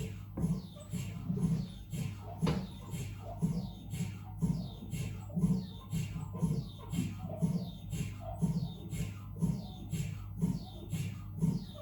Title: 🧲🔊 Dont be afraid of MRI - Sounds in normal head examination | Siemens Magnetom Avanto 1.5T MRT